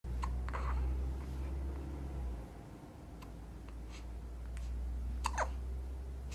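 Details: About two-week-old baby boy's hiccups: brief, sharp hiccup sounds recurring every second or so against a low room hum.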